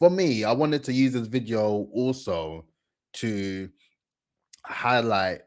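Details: Adult man speaking; normal speech.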